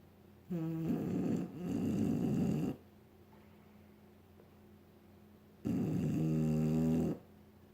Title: Snore filled nap